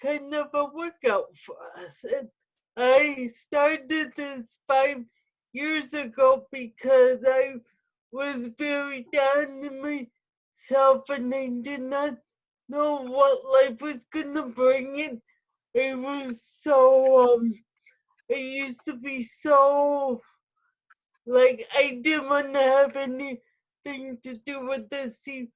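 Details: Adult woman with spastic quadriplegic cerebral palsy who uses a wheelchair; no specific speech disorder is named; speech in cerebral palsy.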